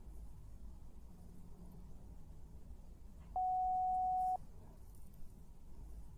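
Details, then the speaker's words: A single steady pure-tone beep lasting about one second over quiet room noise, from a simulated ASMR hearing test in which beeps play in one ear with occasional beeps in the opposite ear. "the second beep test is going to be in one year only I'm not going to tell you which ear you are going to tell me but there will also be one or two beeps that are in the opposite year"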